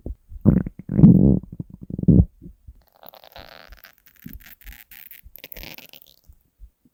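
Loud, low stomach growls followed by quieter gurgling and squeaks; hunger-related stomach growling.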